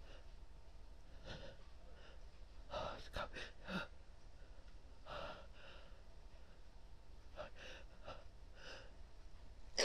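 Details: Female with a tickly nose: quiet breathy gasps and buildups, then wet sneezes in bursts with sniffing in a small room, before nose blowing.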